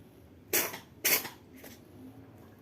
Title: Kaira sneezing in the water bottle